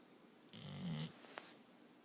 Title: Pup snoring